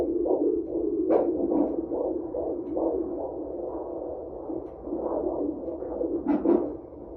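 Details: Fetal heartbeat on Doppler ultrasound at 18 weeks pregnant, with a very active baby; rapid, regular whooshing pulses at roughly 140 a minute with swishing Doppler noise.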